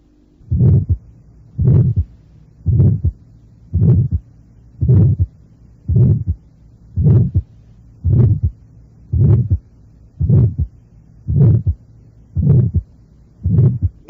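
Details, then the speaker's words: Innocent systolic murmur of low intensity spreading widely, heard at the apex, right second intercostal space, left second intercostal space and, surprisingly loudly, the neck: steady heartbeat of about 56/min with a soft systolic murmur. "actualmente se oye a nivel de la punta segundo espacio intercostal derecho y en el cuello casi siempre es audible en el segundo espacio intercostal izquierdo la intensidad del soplo a nivel del cuello es sorprendente figura 11"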